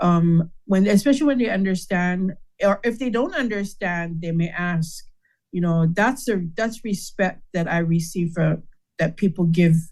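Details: Adult man with aphasia after a stroke in which part of his brain died, with word-finding difficulty; aphasia.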